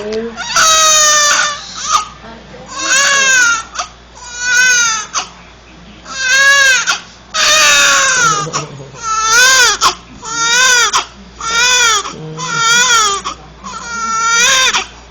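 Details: Infant crying: loud, rhythmic wails repeated with brief breaths between them.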